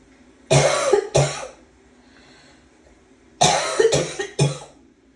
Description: Learning my lesson that if you try and suppress a cough long enough, it will laugh at you and send you out with a barking cough, haha